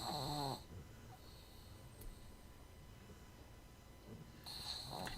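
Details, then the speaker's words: Dog snoring while asleep right next to the listener: two rough, rattling snores about four seconds apart with quiet room noise between; the snoring is described as not loud on the recording. "I hear Junior because he's right next to me. I hear him snoring, and I was listening to you, and it was on your phone as you were playing it back."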